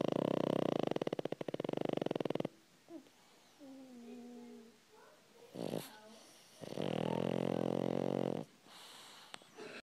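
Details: A 5-year-old pug snoring: two loud, rattling breath sounds separated by quieter breathing, with faint background noise.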